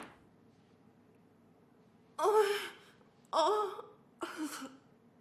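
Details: Acted scene, not real: three loud, drawn-in gasps building toward a sneeze by a woman who wants to sneeze and then feels better after sneezing.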